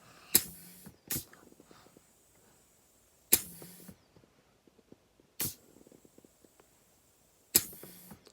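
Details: Pneumatic Ambu-bag-based prototype ventilator in pressure control mode, respiratory rate set to 14: mechanical hiss-and-clunk bursts repeating every three to four seconds.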